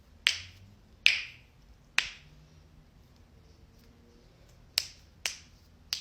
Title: cracking joints